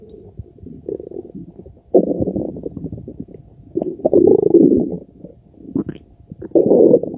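Loud, low gurgling and rumbling in irregular waves, some long and bubbling; active bowel sounds of digestion.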